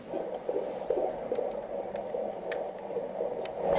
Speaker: The sound of a baby's heartbeat is a good sign indicative of the fact that a baby is alive and well.